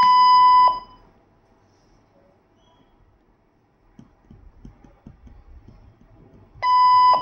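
Two loud, steady electronic beeps several seconds apart with soft handling noise between; a syringe pump beeping as it powers on, a normal start-up tone.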